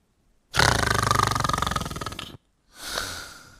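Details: Simulated snoring in a comedy paramedic sketch: a man keeps falling asleep after recently starting Ambien, with no known drugs or alcohol. One loud, rattling snore on a long breath, then a softer second snore.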